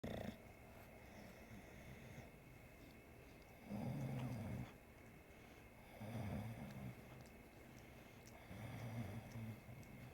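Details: Sleeping bulldog snoring while a three-legged cat licks it: rumbling, snorting snores about every 2.5 seconds, with faint rustling and licking noises in between.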